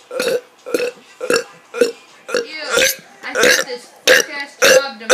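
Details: Deliberate "mega burp": a quick run of about ten loud, voiced burps, some drawn out, in a row.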